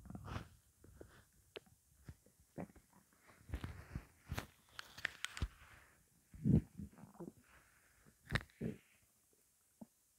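Scattered low gurgles and rumbles with a few squeaky bursts in a quiet room, typical stomach growling from hunger.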